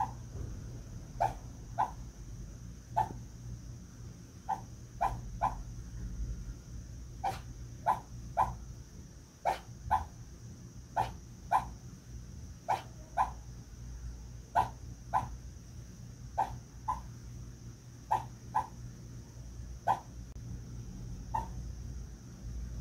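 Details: Small dog (Bichon) that often dreams, making soft, muffled yips and woofs, often in pairs, while vocalizing in its sleep.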